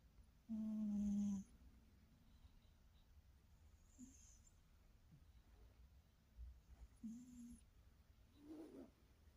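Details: Snoring from a sleeping cat; quiet, so best heard at maximum volume.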